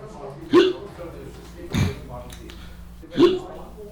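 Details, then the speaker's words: Simulated hiccups acted by an adult man in a comedy scene: three abrupt, voiced hiccup gulps about every 1.3 seconds. "Do you mind scaring me? Help me get rid of my hiccups?"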